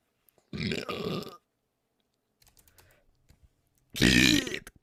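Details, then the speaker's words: Woman streamer burping: two loud, croaky, voiced belches separated by faint clicking and quiet room noise. "Водичку только пью с утра уже рыгаю. >> Как проснулась, сразу рыгаю, блин."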